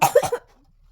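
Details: Adult pretending to have a cold during a sneezing prank on a 3-year-old daughter: a single brief, harsh cough with a quick throaty double burst, then silence; an isolated cough.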